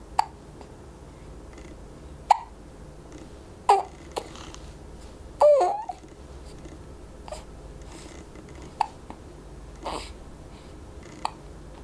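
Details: Short, sharp catching hiccup sounds every few seconds from a 4-week-old baby, with small squeaks and soft fussing between them; infant hiccups.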